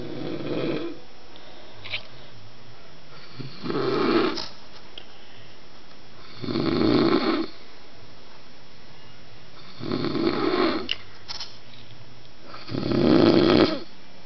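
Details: Adult husband snoring during sleep (he denies snoring): loud, rough snores about every three seconds, roughly 20 a minute, with quiet pauses between; ordinary adult snoring.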